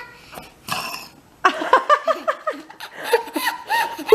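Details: A 4-year-old child burps: a low, rough belch followed by giggling and laughter; burping.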